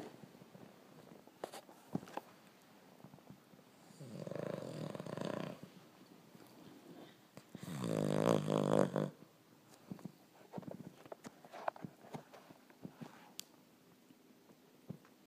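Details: Pet snoring while asleep: two loud rattling snore sounds with faint clicks and room noise between them.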